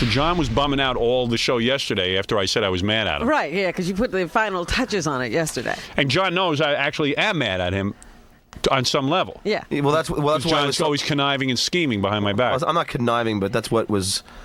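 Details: Adult men in conversation; typical speech.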